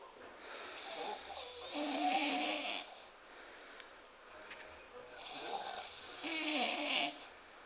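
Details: Snoring: two loud, rattling, hissy snores with a whistling edge, a few seconds apart, with quieter breaths between.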